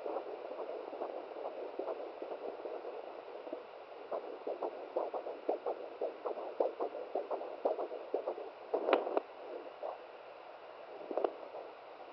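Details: Fetal heartbeat at 17 weeks of pregnancy, recorded on a handheld fetal Doppler used for the first time: rapid, faint pulsing through hiss, with probe scrapes and a few loud knocks; the rate drops or vanishes as the baby moves.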